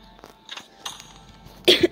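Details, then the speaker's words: Coughing from a woman with a cold, also sniffling, during French-language gameplay commentary; cough. "Désolée si vous entendez que je tousse ou quoi, ou que je renifle un peu. J'ai le rhume, mais j'ai la toux."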